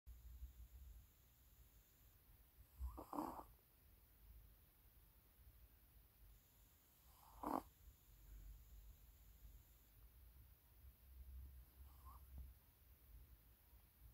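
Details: Sleeping Maltese puppy snoring softly, three short snoring breaths about every four to five seconds; dog snoring.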